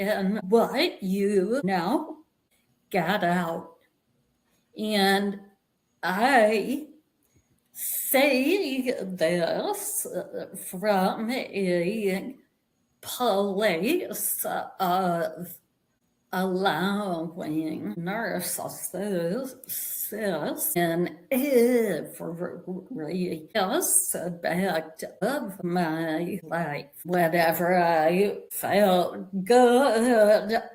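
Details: Vocal tremor in an adult woman, which she attributes to more than 50 years of narcissistic abuse and trauma that began at age five with her father and continued through abusive relationships; a real, not acted, condition.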